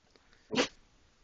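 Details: Pet gives one brief, sharp sneeze in a quiet room; sneeze.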